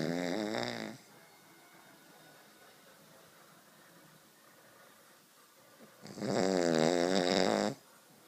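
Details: Dog asleep on a couch snoring: two loud, buzzing, tonal snores about six seconds apart with quiet breathing between.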